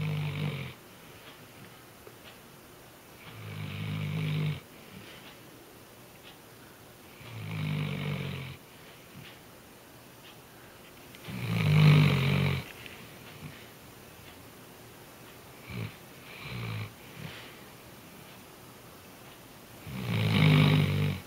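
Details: Weimaraner dog named in caption asleep and snug, loudly snoring like a human: loud, rumbling snores about one every four seconds; dog snoring.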